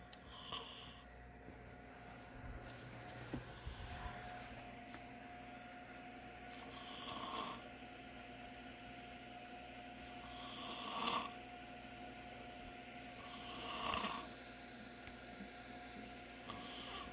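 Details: Adult man (father) snoring: rough, rattling snores on each breath in, about one every three to four seconds, over quiet room hum.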